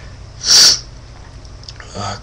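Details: Male forcing a sneeze for a sneezing challenge, trying to keep eyes open, which hurt: a single loud, sharp sneeze burst, followed by quiet room noise and a faint voice.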